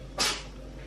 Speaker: did you hear that that was my cat sneezing what the hell